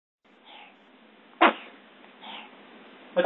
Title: Cute baby sneezes and laughs